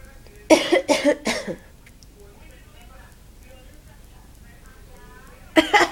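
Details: Mother coughing: three quick coughs, a quiet pause with faint infant sounds as the baby laughs at the cough, then another cough burst; ordinary adult cough.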